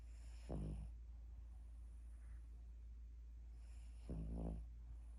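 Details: Two short, low, rattling snores about three and a half seconds apart over a steady low hum; ordinary snoring in a sleeping dog.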